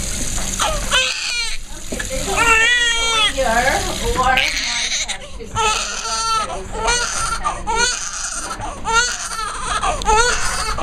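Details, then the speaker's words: Loud, rhythmic, vigorous crying from a newborn girl in hospital on her birth day during her first bath and hair wash, over running water and adult voices; a normal newborn cry. "guess she's the type that doesn't like getting her hair washed I know oh someone is not a happy camper"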